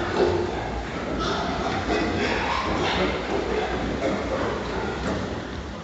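Several short, harsh cough bursts among fattening pigs over steady barn noise, signalling respiratory disease in the herd.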